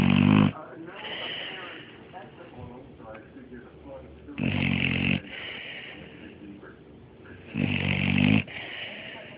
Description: My 6 month old pitbull, Mario, snoring away :)